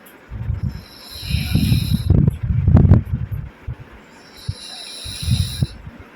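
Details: Pug puppy snoring while asleep.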